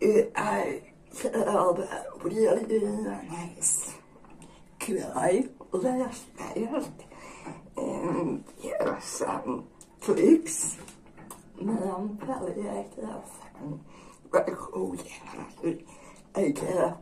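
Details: Dysarthria in a woman with generalized dystonia.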